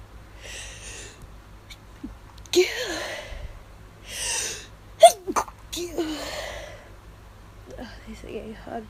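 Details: Induced allergy sneezes after hours of nasal itch: a series of stifled sneezes, each a short voiced catch followed by a muffled breathy burst, with sighs between them.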